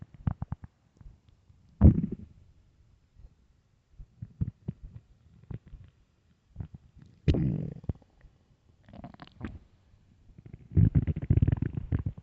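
Loud low gurgling and rumbling from the belly in irregular bursts, ordinary stomach growling on an empty stomach.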